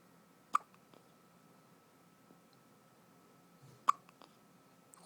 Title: baby hiccups